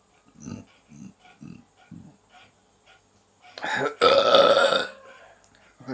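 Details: Adult with chronic belching since 2012, usually after eating, preceded by body pain or dizziness, unresponsive to medication: several short low gulps, then a long, loud drawn-out belch; frequent repeated belching.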